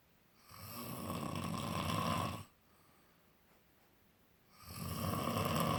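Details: Two long, harsh, rattling breath sounds separated by a quiet pause: loud snoring during sleep.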